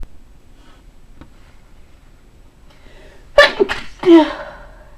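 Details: Single ordinary sneeze with a sharp intake and forceful burst trailing into a voiced tail, in a quiet room, one of a deliberate variety of sneezes.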